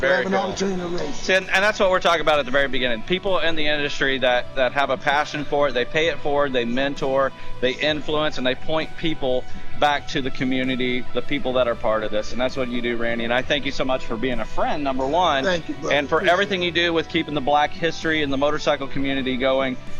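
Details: Adult man speaking; normal voice.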